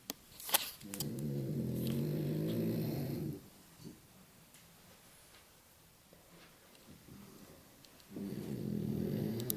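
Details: Sleeping dog in a quiet room gives long, low, rattling snores on each in-breath, with quiet pauses between them; snoring.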